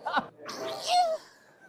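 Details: Man performing a comic sneeze: a single short sharp burst, then a loud drawn-out voiced cry; an exaggerated sneeze.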